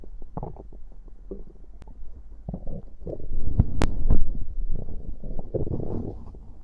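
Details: Stomach growling after drinking cider (fizzy drink): continuous low gurgling and rumbling with bubbly pops from gas and fluid moving through the gut; active bowel sounds.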